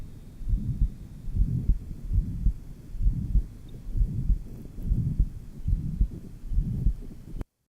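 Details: 1955 Johns Hopkins heart sound lab recording, pure pulmonary stenosis, recorded at the apex: regular low heart sounds near 67 a minute with a murmur filling the beats.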